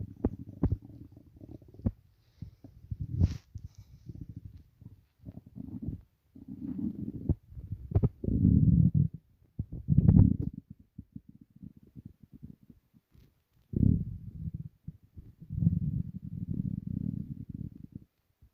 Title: Stomach rumbling (headphones advisable)